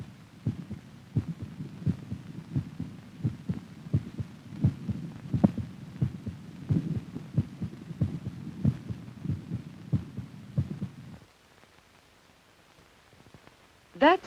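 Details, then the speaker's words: Normal heartbeat heard through a stethoscope in an old educational film on rhythm: steady, regular double beats at about 85 per minute. "have you ever listened to your heartbeat this is a stethoscope it's what the doctor uses to listen to your heart through this stethoscope you can hear something like this"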